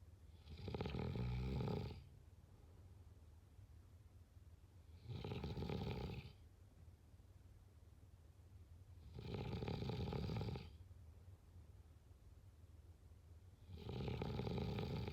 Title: #snoring #snoringasmr #snoringsounds #snoringsleepingsoundeffect #sleepsounds